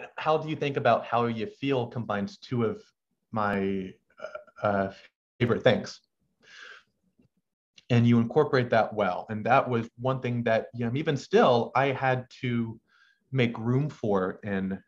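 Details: Adult male medical student who has stuttered since about age six, with uncontrollable pauses and a halting cadence; stuttering.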